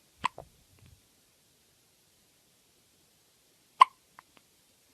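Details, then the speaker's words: Two short, abrupt hiccup sounds about three and a half seconds apart, with a few faint softer catches in near silence, from a baby with hiccups. "Oh, you got the hiccups? You got the hiccups, buddy? Does it hurt?"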